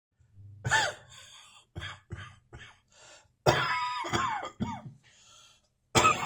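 Repeated dry, hacking coughs, about seven bursts, with a faint whistling wheeze trailing some of them.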